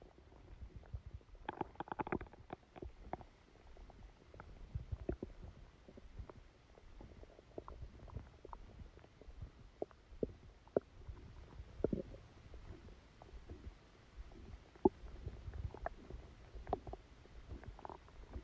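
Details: Stomachache after Christmas dinner, recorded while the person slept: frequent soft gurgles and clicks from the abdomen against a quiet background; active bowel sounds.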